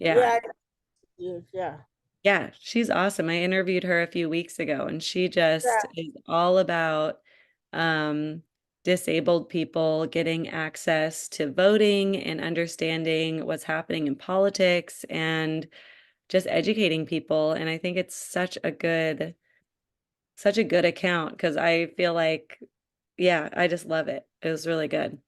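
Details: Adult woman speaking; normal speech.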